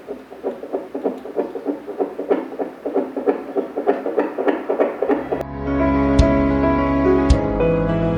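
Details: Rapid, regular whooshing fetal heartbeat pulses picked up with a JUMPER JPD-200C+ desktop fetal Doppler, followed by background music.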